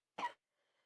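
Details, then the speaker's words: Child whose cough got worse today, recorded in a bedroom; a single short, loud cough burst followed by quiet room noise; cough. "So now, today my cough just got worse. And if I go outside this bedroom that I'm in, I'm gonna cough even more than I just did."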